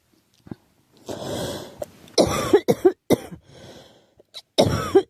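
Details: Girl who thinks she is getting a cold, with a scratchy, sore throat: several short, harsh, dry-sounding coughs with throat clearing and breaths between them; cough with a cold.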